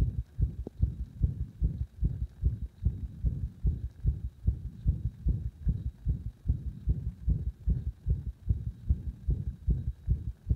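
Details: Arrhythmia induced by gradually increasing compression on the heart: rapid heartbeat near 150 a minute with some irregular spacing and a faint hum.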